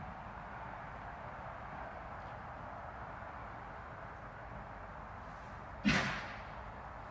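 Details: Horse cough: a single sharp, explosive cough outdoors over steady background noise.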